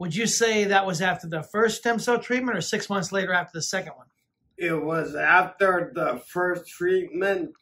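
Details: Adult speakers in conversation; ordinary speech.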